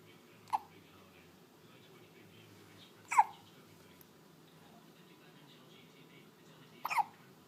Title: hiccups